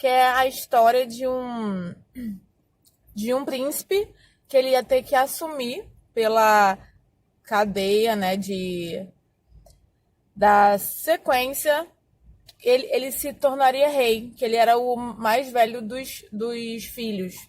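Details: Adult woman who has stuttered for more than 20 years, speaking Portuguese; stuttering.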